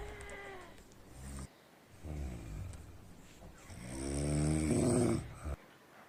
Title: jamaican snoring 💤💤